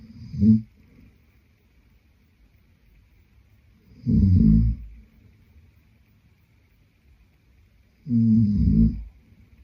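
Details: Adult man snoring in sleep: three loud, low rumbling snores about four seconds apart, roughly 15 a minute, with quiet between them.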